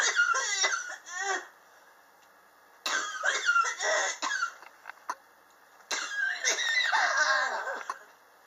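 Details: Chronic cough present since summer 2016, recorded July 2018; patient believes extreme temperature changes in the apartment trigger it: three bouts of rapid, repeated dry coughs with brief pauses.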